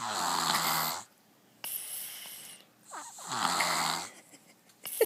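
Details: Sleeping young girl who snores like her father: two loud, rattling inhaled snores with quiet breaths and a brief squeak between; snoring.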